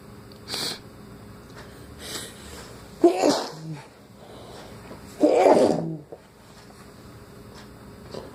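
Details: Morning sneezing with a runny nose since waking: two forceful sneezes, each a sharp intake then explosive burst, with softer sniffs between in a quiet room.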